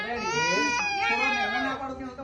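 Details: Baby girl undergoing ear piercing gives a sudden loud, high-pitched wail with a sharp pitch break; acute infant pain cry.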